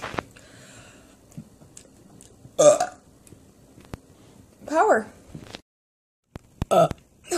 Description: My friend sends me random burp vids and I decided to share them with you 👍